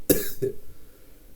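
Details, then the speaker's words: A sick child with a runny nose who coughed all day at school gives a double cough: one sharp burst, then a second smaller one. "Hello guys, I'm making this video and today I felt pretty sick. I just had to like coughing the whole day at school."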